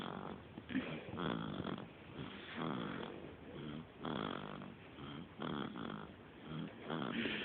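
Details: A 3-week-old baby boy snoring: rough, rattling snores with each breath, about 20 breaths per minute, somewhat irregular.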